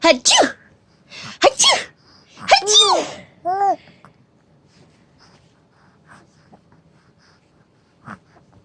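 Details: A series of about four sharp sneezes in quick succession, each with a voiced gasp, followed by quiet; sneezing.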